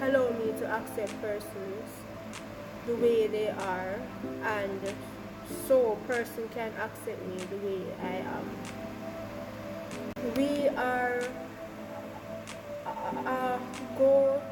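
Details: Woman who calls herself a Jamaican stutterer, speaking about her own stammer; stuttering.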